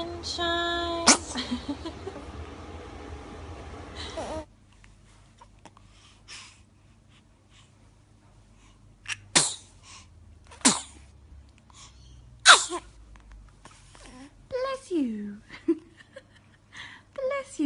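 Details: Repeated short, sharp sneezes from a baby during play, with soft adult voices and a toy tune at the start; sneezing.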